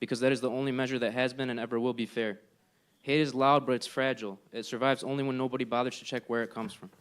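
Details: Adult man speaking; normal voice.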